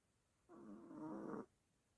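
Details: Sleeping dog snoring while apparently dreaming, hind legs trembling and eyes looking odd; one drawn-out, rattling, groaning breath lasting about a second.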